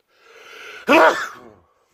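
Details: Person allergic to strong smells, sneezing a lot before Christmas: a short drawn-in breath, then one loud, explosive sneeze that fades quickly.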